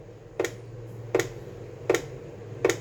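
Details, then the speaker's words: Fetal Doppler simulator prototype set to 80 bpm, reading checked against a calibrator with about ±1 error: sharp, evenly spaced clicks; simulated fetal heartbeat at 80 beats per minute. "Nah, 80 sudah 80 ya. Jadi nunggu beberapa waktu dulu seperti itu karena si alatnya ini juga akan memproses daripada detak jantungnya seperti itu."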